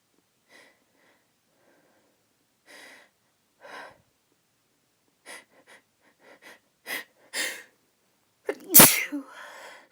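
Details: Female sneezing uncovered after trying to hold the sneezes back: several short, breathy suppressed catches, then one loud, explosive sneeze.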